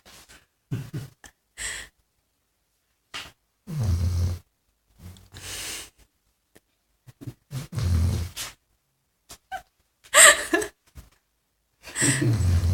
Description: Deep sleep dog... Snoring